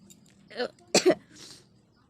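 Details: A brief sneeze-like burst with a short voiced catch, followed by a soft nasal nose blow, in a quiet room.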